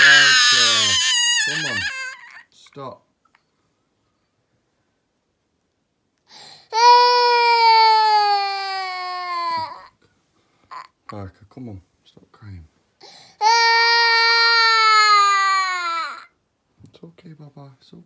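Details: Infant crying before bedtime bottle: two long, loud, high-pitched wails with short sobbing sounds between them.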